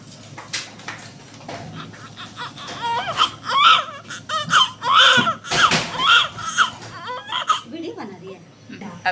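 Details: Repeated high-pitched wailing first cries of a newborn baby girl, 4.8 kg, just after birth in hospital (delivery described as both normal and LSCS), with room noise; normal newborn cry.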